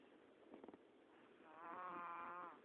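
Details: A few brief rough snorts, then a long, whistling, tonal breath with wavering pitch: unusual-sounding snoring, described as a snoring problem.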